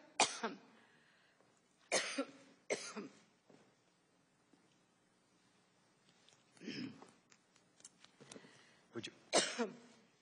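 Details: An adult woman testifying at a congressional hearing has a coughing fit mid-session, then declines a break and takes a lozenge.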